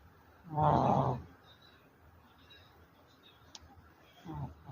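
Two loud, rough, vibrating breath sounds about four seconds apart over quiet background; snoring.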